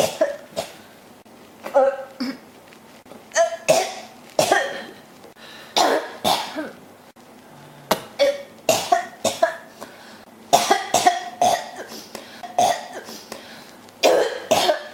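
About twenty short, repeated coughs and throat clears in quick bouts with brief pauses between them, a cough that keeps going.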